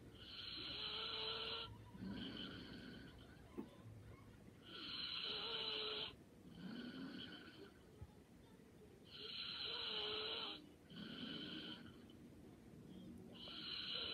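Light, regular snoring at about 14 breaths a minute, each breath in carrying a thin whistling edge, followed by a softer breath out.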